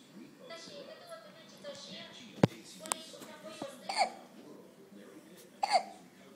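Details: Baby boy hiccuping for a while: a few sharp, abrupt catches and small vocal bursts in a quiet room; infant hiccups.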